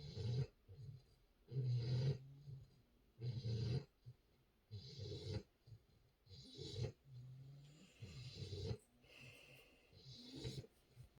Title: Just a cute baby puppy in her diaper snoring. #doglife #december #puppy #sleeping